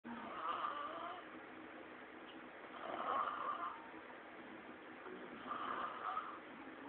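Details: Three slow, rough snores at about 23 a minute, each a rattling sound on breathing in, over steady room noise; snoring.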